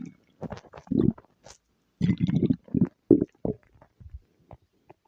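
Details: Ordinary stomach growling (borborygmi): irregular low gurgling and rumbling bursts with bubbly, watery textures and short pauses.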